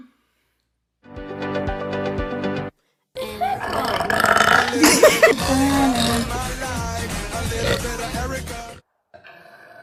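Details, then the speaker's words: Woman burping deliberately: a long, loud, voiced belch rumbling for several seconds after a shorter one, over music; burping. "so this time I'm going to eat a bunch of cheese and burp because I'm pretty sure I'm lactose intolerant and cheese really makes me Burpy"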